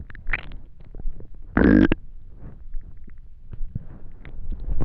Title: Extremely Hungry Stomach Growling